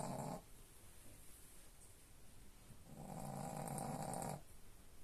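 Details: Sleeping dog snoring: two long, low, rattling snores a few seconds apart, with quiet room noise between them.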